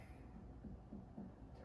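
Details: Percussion starting at the abdominal midline, fingers spread, during a shifting dullness test for ascites: soft, hollow, drum-like taps giving a tympanic note.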